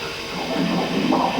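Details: Fetal heartbeat on prenatal ultrasound from Kylie Jenner's pregnancy with her daughter: brief whooshing, pulsing Doppler sound, a normal finding.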